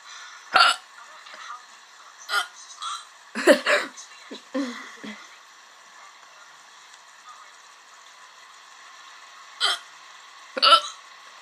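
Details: Hiccups lasting about 10 minutes: several abrupt, sharp hiccup sounds at irregular intervals with quiet between, with background speech from a computer.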